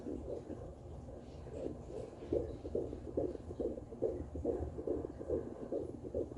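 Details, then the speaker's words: At 15 weeks pregnant, home fetal Doppler placed low near the pubic area: rapid regular whooshing pulses, about 145 a minute, the fetal heartbeat, normal rate. "Briefly, I'm gonna go ahead and listen to baby's heartbeat now. It's time for my most favorite time of the day."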